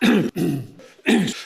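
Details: Two voiced throat-clearing bursts from an adult man, separated by a brief pause, during a speech on COVID-19 vaccination milestones.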